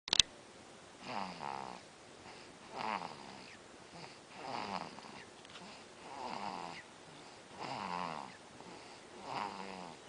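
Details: Sleeping cat snoring: regular soft rattling snores on each breath, about seven in ten seconds, roughly 40 breaths a minute.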